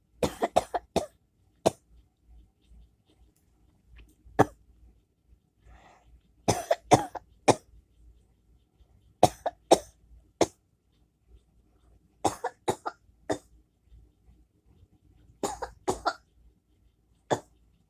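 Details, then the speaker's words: Coughing at 5 a.m., person thinks they are getting sick (labelled whooping cough): about fifteen clusters of short, harsh coughs in a quiet room, with no whoop on the in-breath. "Who's coughing at 5 o'clock in the morning? Okay. I know I am. I think getting sick."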